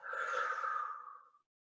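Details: A respiratory physiotherapist demonstrates diaphragmatic breathing with a single slow, soft, airy breath out that fades away over about a second.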